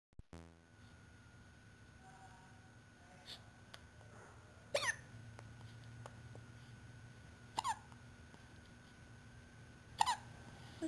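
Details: Three sharp, abrupt hiccups at irregular intervals, about 11 a minute, from a 3-month-old; hiccups had been going on for about 15 minutes.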